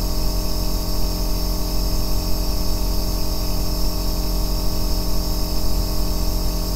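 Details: Steady, deep, low droning hum with a faint hiss and no pauses, a 2-hour recording of an aerosol nebulizer used as sleep background sound; nebulizer running.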